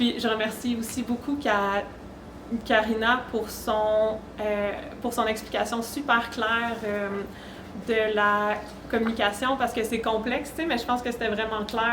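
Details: Adult French-speaking woman who says she stutters, with blocks, prolongations, repetitions and tension: stuttering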